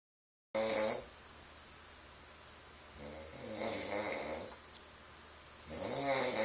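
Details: Adult man snoring in his sleep all night: three rattling snores about every two and a half seconds, with quiet breathing between; ordinary snoring.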